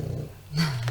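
Low rumbling snore from a sleeping dog, with a brief louder snorting breath near the end.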